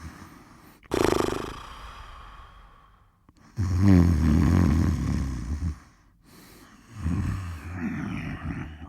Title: Snore sound (free to use)(`No copyright)